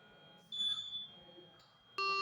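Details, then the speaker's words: Steady high electronic tones, then a louder multi-tone beep as a ventilator is switched on before pre-use check and calibration; normal ventilator start-up signal during a nursing training demonstration. "ये ventilator है आपका start हो चुका है।"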